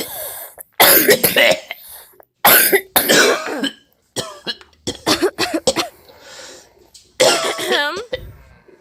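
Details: Cough: repeated harsh cough bursts in about four bouts, with throat clearing and strained breaths between, from an adult with a respiratory illness.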